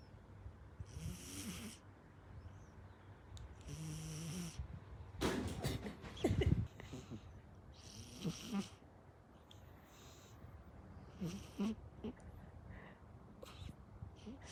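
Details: Sleeping cat snoring: soft, irregular snoring breaths with a few louder snorts and brief rustling noises. Snoring.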